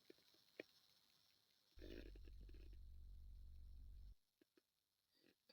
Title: male stomach growl 88